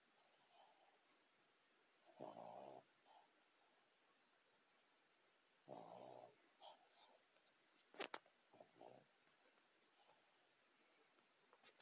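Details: Oscar snoring during the Super Bowl: quiet, soft snoring breaths with a snuffly, slightly wheezy edge and a few short snorts; light snoring in a sleeping dog.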